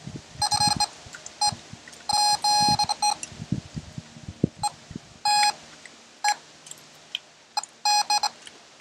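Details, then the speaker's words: Pregnancy check of a sow 20 days after artificial insemination with a multi-species preg-tone Doppler: bursts of high tones with rustling contact noise changing to a solid tone, probe toward front left shoulder; called pregnant. "got a solid Tom the probe is pointing up towards her front left shoulder four bladders back here no way it's picking up on that yep so I'm calling that pregnant"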